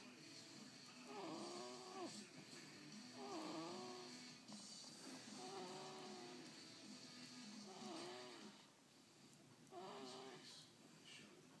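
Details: A woman snoring during sleep: slow, rhythmic snores about every two seconds, rising and falling in pitch, with a steady hum in the background.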